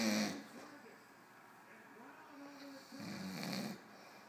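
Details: A person snoring during sleep: low, rumbling breathing noises rise and fall, with quieter whistling between breaths.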